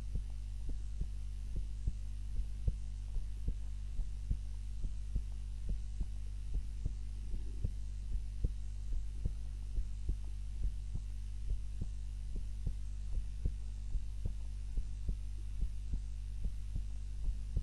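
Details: Heart sounds recorded on a timer during a nap, lying on the back rather than the usual face-down position; steady soft thumps at about 72 a minute over a low hum, a regular resting heartbeat.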